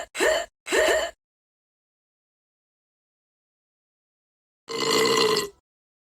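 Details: Two quick voiced gasping catches, then one longer voiced gasp after a pause, in a quiet room, during a bout of hiccups; gasping.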